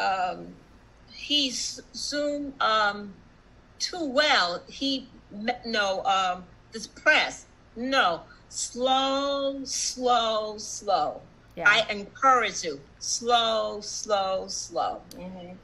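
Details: Non-fluent aphasia in an adult female stroke survivor, present for about one and a half years.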